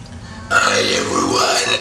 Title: HUGE burping